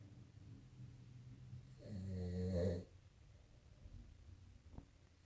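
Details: A man snores during sleep: one loud, rough snore lasting about a second amid quiet breathing, from vibrating throat tissue.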